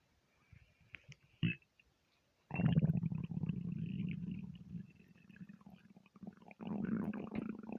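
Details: Stomach rumbling (borborygmi) from being half hungry, half gassy after eating too much: loud, low gurgling and growling rumbles with gassy bubbling.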